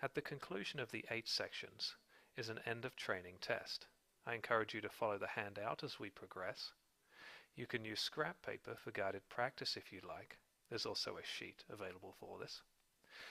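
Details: Adult male narrator; normal adult speech.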